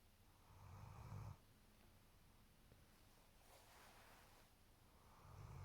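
Loud, low rattling snore on each breath in, with quieter breathing between, from a sleeping large dog.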